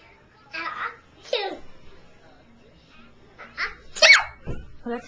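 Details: Young girl pretending to sneeze, imitating Baby Bop from a Barney video: playful, high-pitched pretend sneezes with a little speech in the room.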